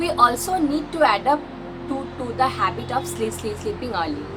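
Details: Woman who presents herself as a stammering vlogger, speaking; stuttering.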